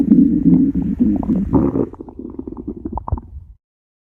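Loud low groaning rumble that breaks into a fast run of bubbly gurgles, then fades; ordinary stomach growling.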